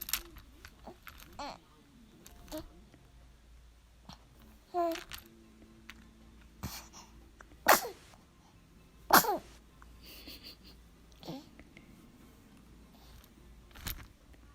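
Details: Infant aged 2 months 16 days sneezing: several small, sharp sneezes among soft fussing sounds, a normal reflex sneeze.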